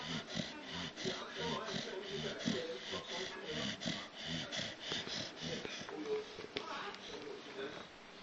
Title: bule the staffy x mastiff snoring